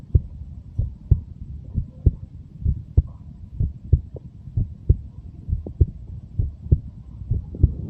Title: 23 year old heartbeat sound